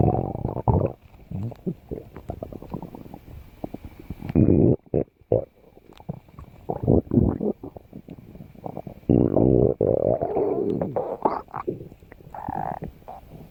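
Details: Stomach growling (borborygmi): loud, continuous gurgling and rumbling with irregular bubbling pops, ordinary bowel sounds.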